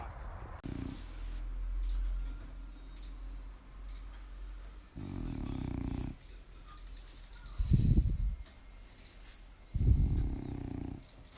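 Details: French Bulldog dog snoring: deep, low snorting breaths in bursts, some louder and rougher, with background noise; snoring.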